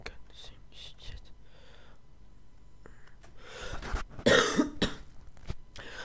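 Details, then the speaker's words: Cough from a French-speaking person who has a cold that has changed their voice, heard during spoken narration: cough. "oui, je suis enrhumé, c'est pour ça que ma voix a changé. Donc si je tousse, c'est normal."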